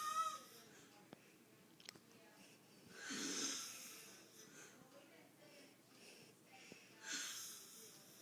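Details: Adult man snoring during sleep: two noisy, rasping breaths about four seconds apart in a quiet room, with faint clicks between them.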